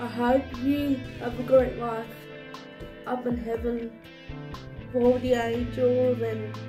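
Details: Dysarthric speech in a woman whose condition is labelled cerebral palsy; finding: dysarthric speech (cerebral palsy).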